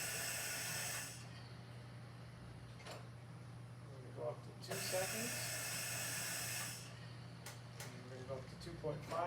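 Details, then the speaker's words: Mallard 2800 anesthesia ventilator, 60 PSI drive, 2.5-second inspiratory time, about 18 liters to patient line: two long gas hisses a few seconds apart as the bellows drive down, steady low hum and small clicks. "at two and a half seconds it will drive it all the way to the bottom so we'll push it right now it's gonna 18 liters into the patient line"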